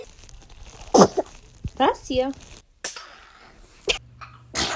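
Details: Infant's small, sharp sneeze among brief baby vocal sounds and adult murmuring; an ordinary baby sneeze.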